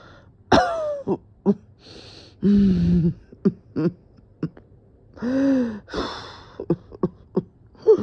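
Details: Coughing fit with dizziness, the person feeling they were about to pass out: repeated short coughs and throat clearing with gasping, voiced in-breaths between bouts; harsh cough.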